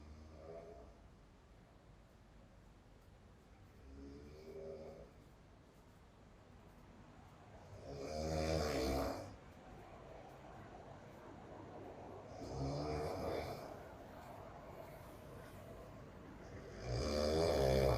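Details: Loud rattling snores on breaths in, about 14 a minute, with quiet breathing between and faint room noise; loud snoring on holiday.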